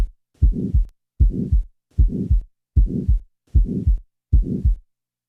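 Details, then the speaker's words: Typical mid-systolic (ejection) murmur at about 77/min: a crescendo-decrescendo murmur that starts shortly after S1, peaks mid-systole and fades clearly before S2. "listen now to a typical mid-systolic murmur note carefully the fact that the murmur diminishes clearly before the second sound"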